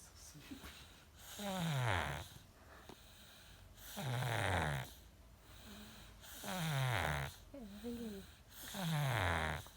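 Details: A baby snoring: loud rattling snores, one with each breath in, about 25 a minute, separated by quieter breathing out.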